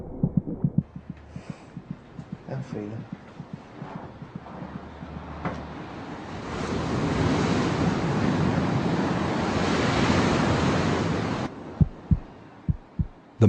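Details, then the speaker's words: Fetal heartbeat at 26 weeks of pregnancy, heard by putting an ear to the mother's abdomen: fast, soft rhythmic thumps at about twice the mother's rate. "now it's possible to hear the fetal heartbeat just by putting an ear to the mother's abdomen"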